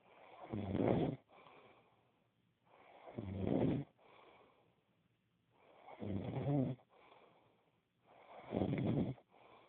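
Four loud, rough, vibrating inward breaths, each followed by a softer exhale, about 23 breaths a minute: steady snoring.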